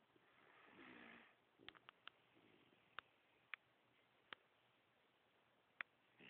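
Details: Miniature schnauzer snoring one morning while lying on the owner's arm, wearing a neck flotation collar to stop licking: one raspy, snorting breath, then a fainter breath and clicks in a quiet room.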